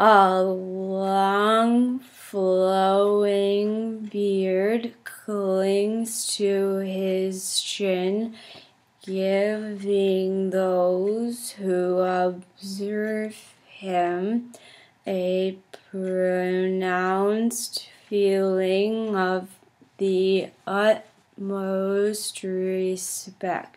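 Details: Stuttering fluency technique demonstration: Easy relaxed approach with smooth movements (ERA-SM), a therapy technique for increasing fluency, shown while reading the Grandfather passage.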